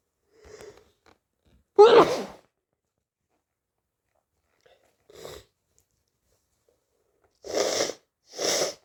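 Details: Hay fever sneezing: a soft sneeze, then three forceful sneezes with quiet gaps.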